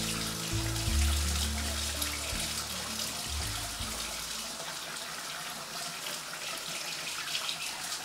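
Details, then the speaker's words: Ear canal irrigation to remove excess ear wax before a hearing test: a low hum gives way to steady rushing, splashing water; patient afterwards describes it as loud, like Niagara Falls. "okay so was it loud it was loud and how would you describe the loudness is that like Niagara Falls yeah yeah okay yeah or a plain engine kind of sound"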